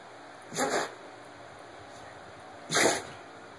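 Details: Dog repeatedly sneezing, two sharp short bursts of air about two seconds apart, as she gets ready to play right after tearing up a stuffed toy; a sneezing attack.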